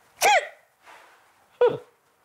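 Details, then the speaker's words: Boy with severe Tourette syndrome, describing complex tics with grimacing, anxiety and worsening tics, makes two abrupt, sharp sneeze-like vocal bursts; vocal tic. "the tips I have is a complex tick here you are a grimace and briefing and make this noise very anxious and my tics have got bad"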